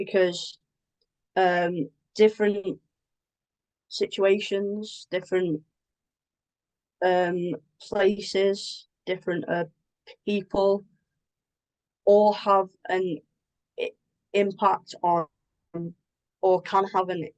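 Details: Adult woman with a stammer that involves blocks and anticipation before speaking: stammering with blocks.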